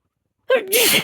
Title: Allergy sneezes and nose blow #allergy #female